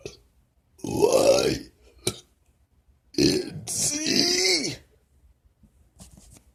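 Two long, loud, deliberate belches, voiced and drawn out like spoken letters; voluntary burping.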